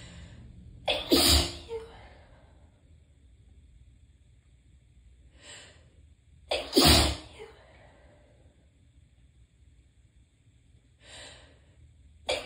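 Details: Tickly sneezing fit: two strong sneezes, each with a quick breath in before the burst, with softer sniffs between.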